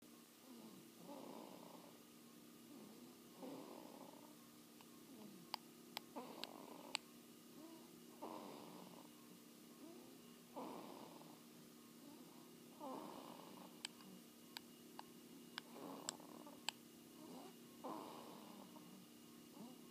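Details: A sleeping cat snoring gently and rhythmically, about 25 breaths a minute, with faint clicks in the background.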